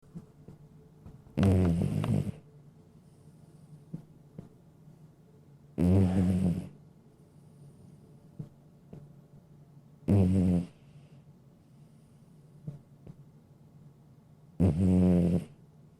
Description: Adorable sleeping cute cat with relaxing snore sounds with no copyright.